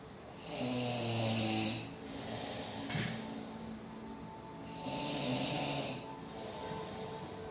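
Two long, rattling snores on the breath in, with a television playing in the background.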